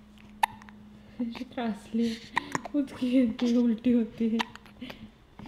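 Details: Baby girl fussing and vocalizing, irritated by her own hiccups: short sharp hiccup catches break her fussy sounds over a low room hum.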